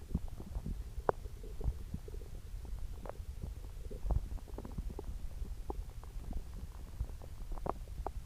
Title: Upset stomach growling